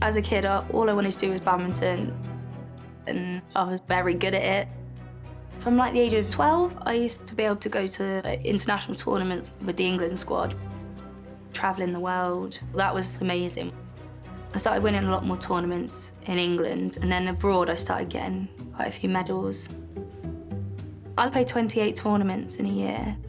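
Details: Adult woman speaking; normal speech.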